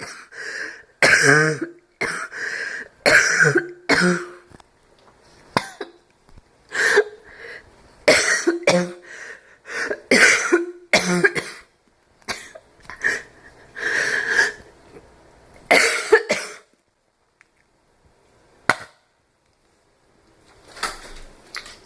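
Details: Adult's deliberate slight barking cough with some wheezing: repeated harsh, slightly barking coughs with throat clearing between bursts.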